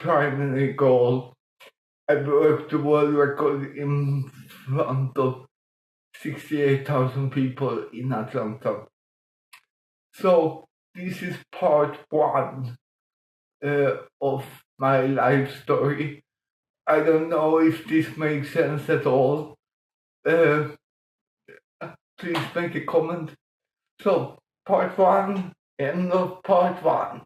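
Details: Mild dysarthria in an adult man with mild cerebral palsy caused by lack of oxygen at birth in 1958; he says music later helped him breathe differently and speak more intelligibly.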